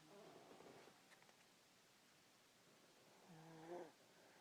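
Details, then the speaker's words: Soft rattling snoring breaths from a girl sleeping upstairs in a dark, quiet room, two noisy breaths about three seconds apart; snoring. "um so that was just a snoring away enjoy it"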